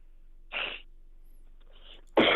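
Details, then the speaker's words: Two or three abrupt, noisy adult coughs from a caller, heard over a thin telephone line with faint hum during a live call-in show; the host then asks if he is all right. "Because you can't be doing too much coughing on the air because people can hear that."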